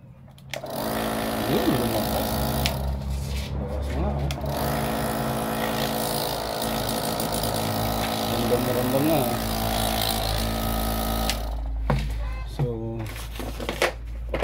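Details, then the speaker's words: Nebulizer compressor running after its clogged filter was cleaned and repaired, now producing airflow: a steady droning motor hum with rapid buzzing pulses and brief speech at the end. "May hangin na nga successful tayo mga idol so para makita natin na meron mang hangin so paandarin natin"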